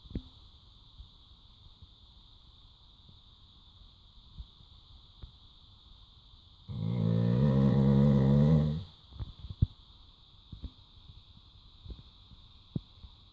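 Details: Labrador dog snoring loudly during an afternoon nap, a single low, rattling snore of about two seconds over a steady room hum, with faint clicks.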